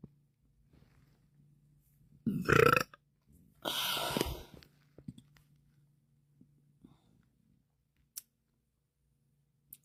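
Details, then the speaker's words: Deliberate burping by a woman who explains that she sucks air into her belly, after drinking soda (Cactus Cooler). Two loud, drawn-out burps with a quiet room and faint clicks in between. "so I'm going to try to show you how like I do the burp so I start with like sucking in air so like when I do it I go like so it's like that I just like suck it in my belly somehow"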